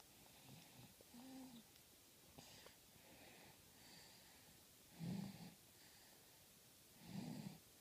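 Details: A baby snoring lightly while asleep in front of the TV: soft, irregular noisy breaths with a few louder buzzing ones roughly every two seconds.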